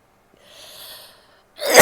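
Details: Female recording herself sneezing, coughing and blowing her nose: a soft inward breath, then a sharp explosive burst; sneeze.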